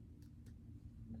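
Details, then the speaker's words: Two faint finger taps of abdominal percussion over the quadrants during a routine abdominal assessment, over a low room hum; mostly tympanic notes, some dullness normal. "I'm going to percuss all four quadrants. Mostly you're going to hear tympanic sounds on percussing. Some dullness is normal as well."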